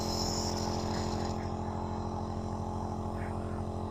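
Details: Home nebulizer machine in operation: a steady, droning hum from a small compressor running without pause; nebulizer compressor.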